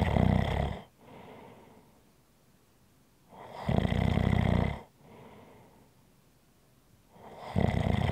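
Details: ASMR relaxation recording of ordinary snoring: two loud, low rattling snores on the in-breath, each followed by a softer out-breath, about 15 breaths a minute.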